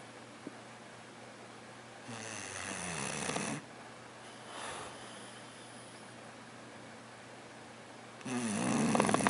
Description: Porkchop the English Bulldog snoring, then wakes up...